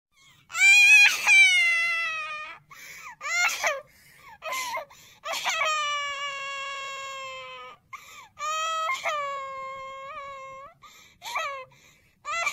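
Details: Baby crying: repeated long, high, tonal wails with breaths between, in a quiet room.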